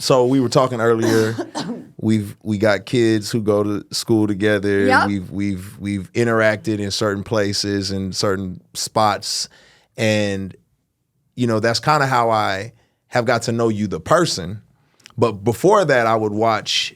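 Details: Adult male speaker; Normal conversational speech.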